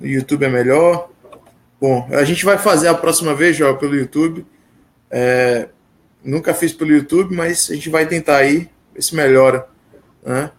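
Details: Adult male speaker; Normal speech.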